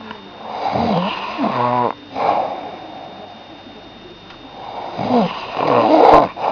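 Loud, rattling snores come in irregular bursts with short gaps between them, in a small room. This is snoring.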